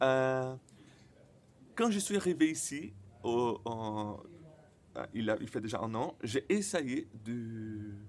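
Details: Stuttering in a man speaking French, who reports his stutter often involves silent blocks.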